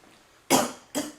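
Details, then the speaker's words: Blonde young woman vaping, engulfed in smoke or fog that she says is making her cough: two harsh, explosive irritant coughs in quick succession. "this fog or smoke or whatever it is is making me cough"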